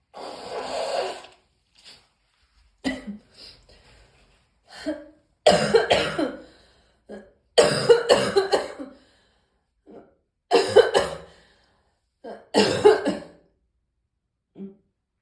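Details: An adult's morning cough: bouts of harsh, wet-sounding coughs with breaths in between, in a quiet room.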